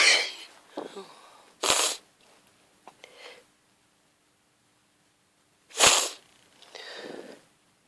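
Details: Hay fever sneezing fit from grass pollen in a hungover person who fell asleep in the garden: two forceful, explosive sneezes with sniffing and breathy sounds between them.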